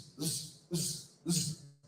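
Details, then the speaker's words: Vocal imitation, in a NEET PG teaching class, of a pansystolic murmur: three buzzing, hissing, honeybee-like bursts filling each beat, burying S1 and S2. "this only this is this is like a honeybee that is called pan systolic if the pan systolic burner comes it will bury s1 it will bury s2 right"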